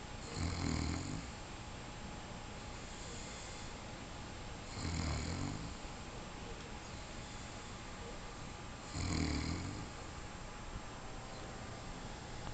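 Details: Low rumbling snores about every four seconds, roughly 15 a minute, with quiet breathing between: ordinary snoring during sleep.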